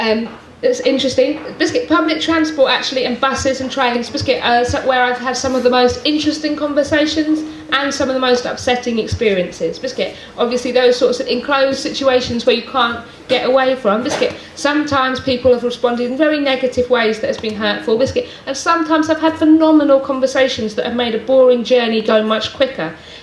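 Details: Adult woman with Tourette syndrome producing frequent involuntary vocal tics such as "biscuit" and "hedgehog", some repeated hundreds of times a day; "biscuit" tic present for about three years; no control over which words become tics; vocal tics (Tourette syndrome).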